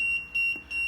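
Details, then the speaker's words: Steady high-pitched electronic tone pulsing on and off from an infant incubator (not transport type) when the humidifier water tank for distilled water is empty; low water alarm. "Hai tangki air penyimpanannya airro aquades aquabides tidak terisi dia akan mengindikasikan lo water atau water tank nya habis"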